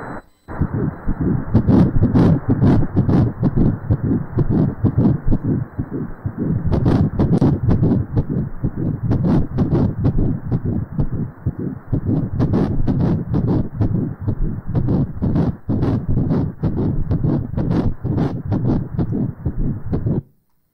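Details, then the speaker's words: Fetal heartbeat on Doppler: rapid, rhythmic whooshing at about 128 beats a minute, within the normal range. "그럼 지금 이제 태아 심장 박동 소리를 한번 들어보도록 하겠습니다"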